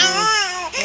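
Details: Brief, loud, high-pitched wail from a sleepy baby; ordinary infant cry.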